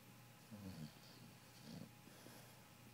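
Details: Snoring of a sleeping dog: two soft, low, rumbling snores with quiet breathing between them.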